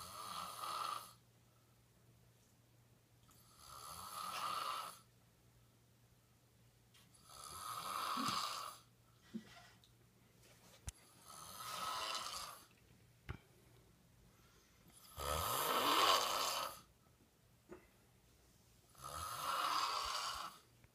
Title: Snoring girl